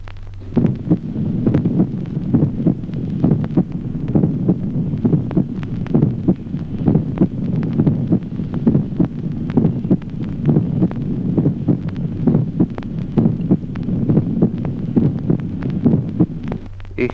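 Steady heartbeat at about 67 per minute, each first sound doubled into two close taps: an obviously split first heart sound. Faint background hiss.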